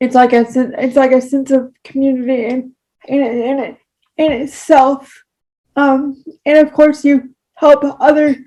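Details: Adult with cerebral palsy, with frequent word repetitions; speech disfluency in cerebral palsy.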